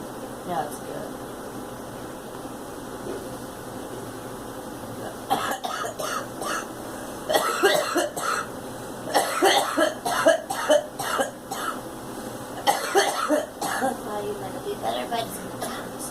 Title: Girl coughing